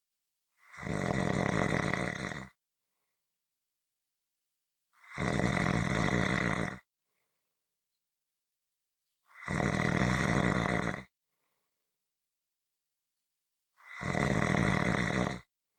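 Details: Loud, rough snores about every 4.5 seconds (roughly 13 a minute), with silent pauses between: ordinary snoring.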